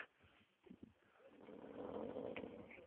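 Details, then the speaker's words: A horse snoring in a paddock, keeping the others awake: a quiet start, then a rising, rough, fluttering breath noise that swells and holds through the second half. "this is recorded but you can hear Steve English snoring as you can see he waking us all up leaving this snoring everybody on"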